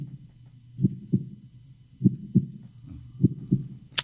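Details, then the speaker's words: Maternal heartbeat heard from inside the womb, as the first sound a baby hears: muffled, deep paired heart thumps at about 50 a minute over a low rumbling whoosh. "Et oui, c'est la première chose qu'on entend, les battements du cœur de sa mère."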